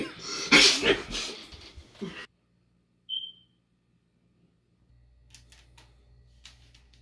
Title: When your friends sneezes during the Epidemic